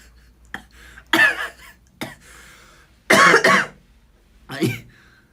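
Several short dry coughs and throat clearing in a quiet room; a plain cough.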